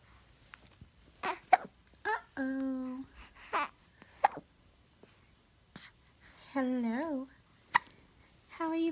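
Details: A baby girl hiccuping: sharp, brief clicking catches at irregular intervals between soft infant vocal sounds while an adult talks to her; infant hiccups.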